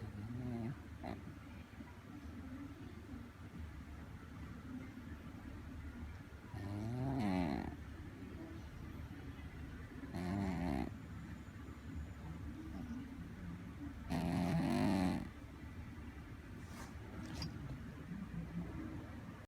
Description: Snore at 3am